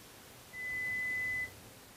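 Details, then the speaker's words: Pure-tone audiometry test tone: a steady, clear, high-pitched tone of about one second over faint hiss, presented to an adult client who has trouble hearing in background noise, starting at an easily audible level to find hearing thresholds. "The client responds to the sounds they hear, usually by pushing a response button. The tests establish the patient's threshold of hearing for each of a number of frequencies that are important for understanding speech."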